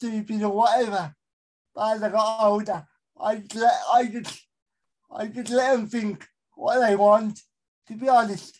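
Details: Adult male with a severe type of cerebral palsy; dysarthria (cerebral palsy).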